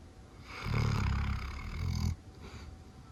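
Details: Labrador named Luna snoring while asleep, possibly dreaming: one deep, rumbling, fluttering snore lasting about one and a half seconds, then quiet; snoring in a sleeping dog.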